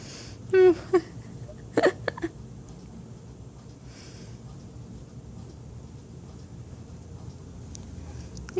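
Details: Person on day 8 of hiccups: a few short, abrupt voiced catches in a quiet room, with brief voice sounds nearby.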